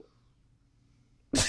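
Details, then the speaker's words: Adult sneeze during a podcast conversation, followed by the speaker noting the sneeze was into the arm. "you just fart into your arm I know I sneezed dammit"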